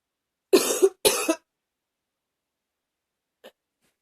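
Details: Two short, fairly dry coughs in quick succession, then a faint sniff, in a quiet room; coughing and sniffling during a cold.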